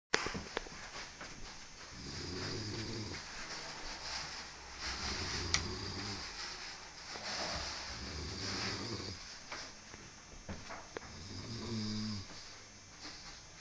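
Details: Person snoring: about five rough, low, rattling snores over thirteen seconds, with room noise behind.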